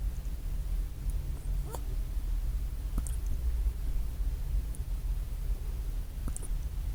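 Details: Miniature pinscher dog gives three faint, abrupt hiccup clicks a few seconds apart over low room rumble: hiccups.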